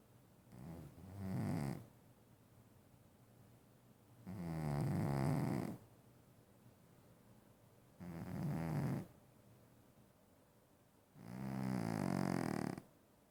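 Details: Loud snoring: four deep, rumbling snores, one with each breath at roughly 18 breaths a minute, separated by quiet gaps.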